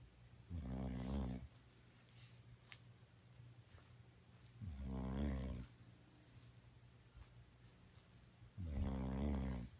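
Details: A sleeping dog snoring: three loud, low, rattling snores, about 15 a minute, separated by quiet pauses in a small room.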